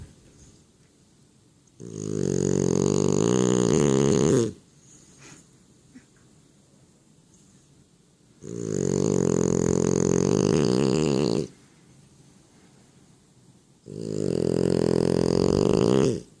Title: Snoring like a freight train